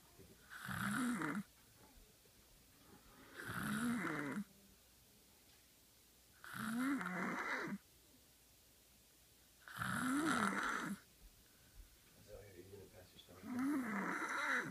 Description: age 5, snoring early in the morning